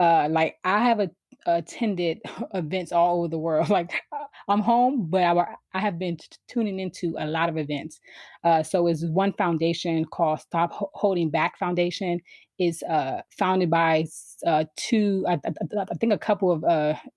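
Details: Adult woman who stutters: stuttering.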